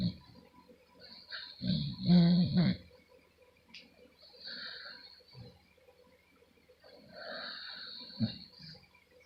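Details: Female fast asleep, snoring like a grown man: deep, rumbling snorts and snores on slow breaths, mixed with soft wheezy whistles. Snoring.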